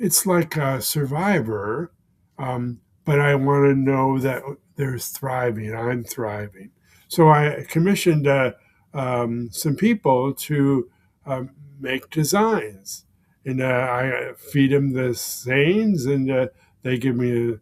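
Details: Man with aphasia following a stroke, present for more than 16 years; aphasia.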